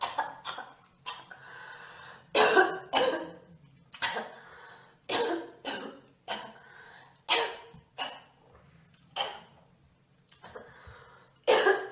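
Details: Girl with a persistent cough: about a dozen harsh, dry-sounding coughs, single and paired bursts over twelve seconds, with a faint low hum behind.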